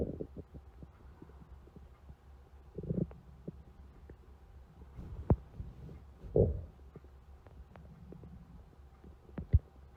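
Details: Stomach growling (borborygmi): low, bubbling gurgles and a few short gurgling bursts over a steady low hum.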